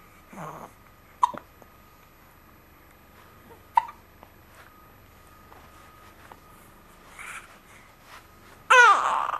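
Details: Hiccups in a person who has uncontrollable hiccups every day: two sharp, abrupt gulping clicks about two and a half seconds apart in a quiet room, then a louder burst at the end.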